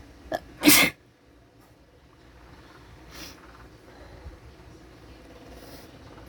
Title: Sneezing, some snot, and showing off nostrils